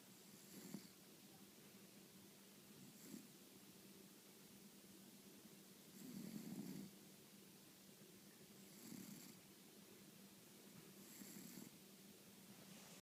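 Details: Overweight female cat snoring while asleep on a bed.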